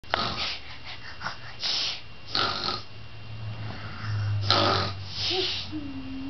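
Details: Kids playing, a child learning to snore: short harsh snorting breaths, some rattling, over a steady low hum; snoring-like noisy breathing.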